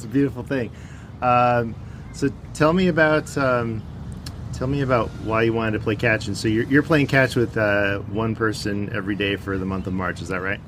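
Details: Adult male speaker; typical speech.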